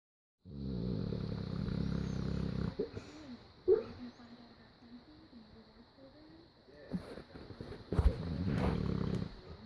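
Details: Loud, low, rattling snoring rumbles in two long bursts with a quieter gap, from a sleeping animal named Bob.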